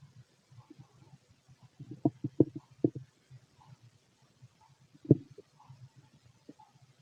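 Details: Stomach growling in a fit adult male heard with a stethoscope over the abdomen: soft gurgles and short bubbling pops, irregular, with quiet gaps; normal bowel sounds (borborygmi).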